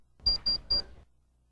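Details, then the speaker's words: Three quick high-pitched beeps from a Welch Allyn SureTemp Plus electronic thermometer signalling a completed oral temperature reading, reached in about 4 seconds. "when a final oral temperature has been reached in about 4 seconds the unit beeps and the temperature displays"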